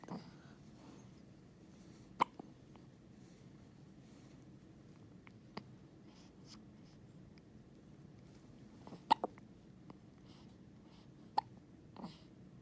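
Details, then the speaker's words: Baby's first hiccups: soft, brief, sharp catches repeating every few seconds in a quiet room; infant hiccups. "There's little hiccups. Oh, that's too bright, Daddy."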